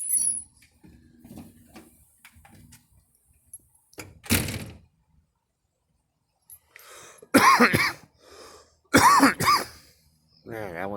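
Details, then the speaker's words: Woman smoking: several harsh cough bursts in short runs separated by quiet room sounds, after smoke went down the wrong way; cough. "wrong too yeah that smoke went down wrong too"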